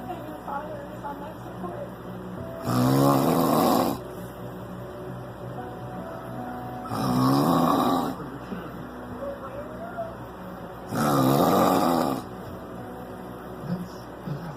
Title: Drunk snoring